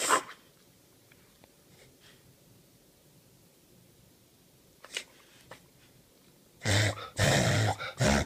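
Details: Dog, owner unsure if reverse sneezing: a few loud harsh snorting breaths after a quiet stretch; possible reverse sneezing.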